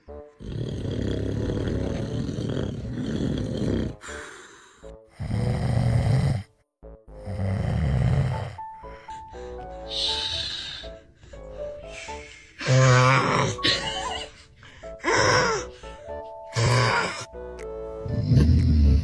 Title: These babies are shocked at dad snoring 🤣 #funny #funnyvideo #funnyprank # #funnymoment #dad #haha